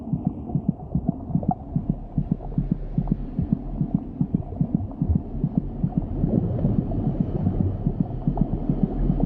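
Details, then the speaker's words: Fetal heart racing as the mother recovers from stress and her heart rate returns to normal, stress effects crossing the placenta; fast rhythmic whooshing heartbeat over low hum; fetal tachycardia. "It takes a while for the effects to filter through, but when the mother is recovering from the impact of stress and her heart rate is returning to normal, her baby's heart begins to race as the physiological effects of stress creep through the placenta."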